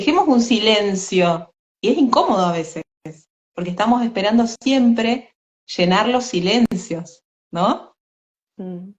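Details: Adult woman speaking Spanish; ordinary speech.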